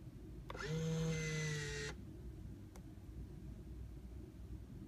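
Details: B. Braun Infusomat Space IV infusion pump in a demonstration of basic operation: a brief motor whine of about a second over low room hum, then a click; infusion pump mechanism running.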